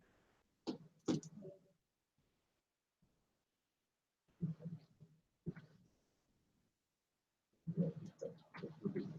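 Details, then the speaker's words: EMG recording showing myokymic/neuromyotonic discharges of nerve hyperexcitability: irregular crackling bursts with a low buzzing hum that start abruptly, stop, and restart after silent gaps. "But when we see this sound, it's very characteristic of a certain of a nerve irritability or hyperexcitability."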